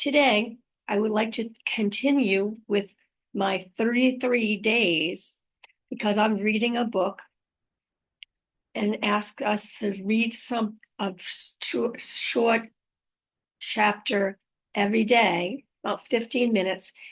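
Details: Woman living with aphasia after a stroke, recorded unedited on a good day, usually in the morning before tiring; aphasia.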